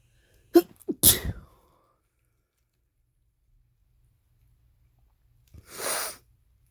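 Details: Two sneezes, a quick catch of breath before the first, then a softer breathy second sneeze; a male coming down with a cold, sneezing.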